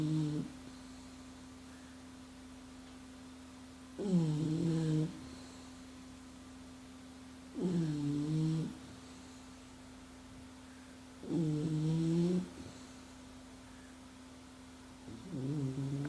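Loud, rough snores about every 3.7 seconds, roughly 16 a minute, with a steady hum in the background; ordinary snoring.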